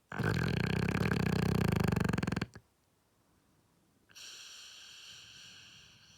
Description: The dog sounds as if it's farting but is just snoring peacefully.